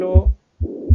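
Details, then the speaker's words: Functional mitral regurgitation: soft holosystolic murmur with an S3 gallop rhythm, low heart sounds, very brief clip. "es suave pero ahora es olo sistólico y con un ritmo de galope en el contexto de este S3"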